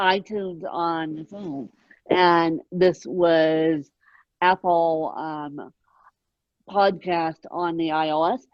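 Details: Dysarthria in an adult woman with moderate ataxic cerebral palsy present from birth, caused by lack of oxygen at birth, mid-spectrum severity; she needs 24-hour care.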